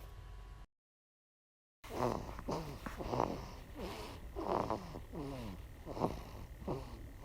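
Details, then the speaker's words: Two-week-old sleeping newborn snoring: soft, quick nasal snorts and squeaky breathing noises with each breath, noisy infant nasal breathing like light snoring. "there was one time when you were sleeping and i thought your snoring was so cute so i recorded you snoring this is when you were two weeks old listen to you snoring oscar"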